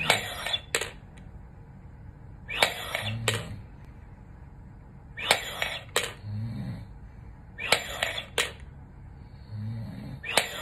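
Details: Repeated effortful breaths through an incentive spirometer, each a strong hissing pull with a click, a few seconds apart, 5 weeks after open-heart quadruple bypass surgery; struggling to raise the third ball.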